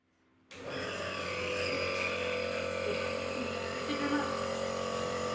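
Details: Steady motor hum and buzz from a nebulizer compressor, starting abruptly and running on, used as a steam/mist treatment to relieve a persistent productive cough that won't heal.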